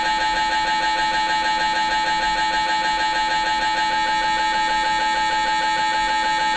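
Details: Loud steady rapidly pulsing mechanical buzz, about 190 pulses a minute, recorded inside the scan room: MRI scanner gradient noise during a brain MRI.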